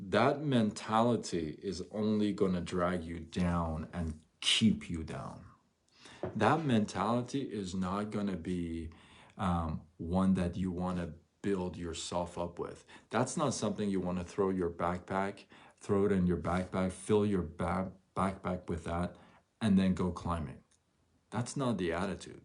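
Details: Adult male who stutters, onset noticed around age 6, severe between ages 13 and 23-24 with chin shaking and gasping for air, since improved; stuttering.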